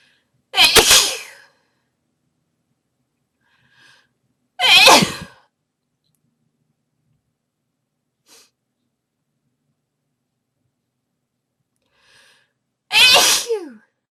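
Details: Induced sneezing: three loud, sharp sneezes spaced several seconds apart, with quiet breaths between; repeated sneezing.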